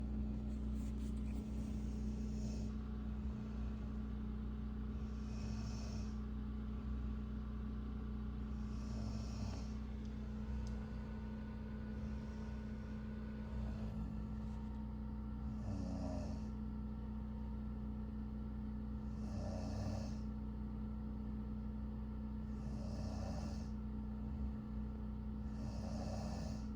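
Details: Adult woman snoring loudly like a diesel generator: droning snoring over a steady low rumble, with breathy bursts about 17 times a minute; snoring.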